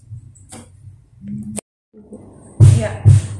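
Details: Nursing practical on thorax examination; stethoscope diaphragm placed over the heart auscultation areas; low, dull thumps with a strong paired beat near the end: normal S1 and S2 heart sounds.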